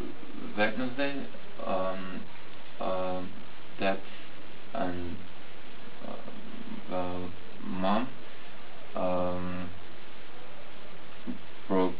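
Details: Adult man speaking; Broca's aphasia.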